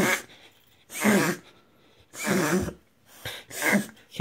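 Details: A whippet makes repeated harsh snorting inhalations, which a veterinarian confirmed from the recording was a harmless reverse sneeze. Reverse sneeze.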